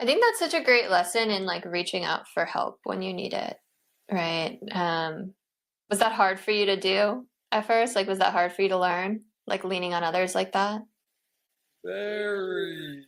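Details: Adult woman interviewer, with a brief reply from a second adult; ordinary conversational speech.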